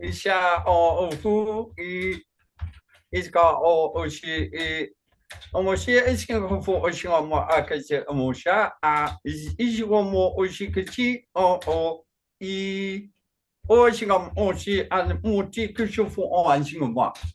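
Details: Man with Functional Neurological Disorder and foreign accent syndrome, onset 2019 alongside non-epileptic seizures, accents varying daily without control; today a bout of gibberish with a Chinese-sounding accent. Functional foreign accent syndrome with gibberish speech.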